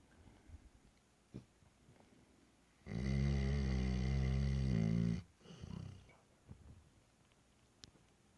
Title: Zeke the Black Lab snoring